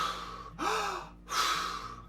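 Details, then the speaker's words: Freediving physiology demonstration of hyperventilation while standing at rest: deep, forceful breaths in and out through the mouth, breathing in excess of what the level of activity requires; hyperventilation. "so basically hyperventilation is when you breathe in excess for the level of activity that you're doing so if I'm just standing here and I start breathing like this"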